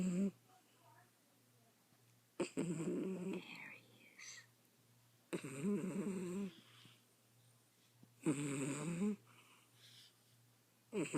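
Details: An old pet cat content and sleeping on a bed, head not resting against anything, with rhythmic rumbling snores about 21 breaths a minute and quiet pauses: ordinary snoring.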